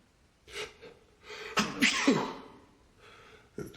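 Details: Man with cat allergy (Persian cat in house; also pollen allergies) has a gigantic sneezing fit: several sneezes in quick succession with sharp inhalations, starting small and growing until he wrenches in half with their force.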